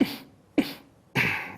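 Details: Adult man with Tourette syndrome, whose tics also include laughing, hard blinking, throat clearing, grimacing and shoulder shrugging. Three abrupt, breathy huffs of air at irregular spacing: a simple vocal tic.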